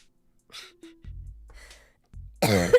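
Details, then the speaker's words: A cough from a streamer, who then says it sounded like a baby's cough. "Coughs like a [ __ ] baby. Also, low key, I have like when when like babies cough and it sounds really bad."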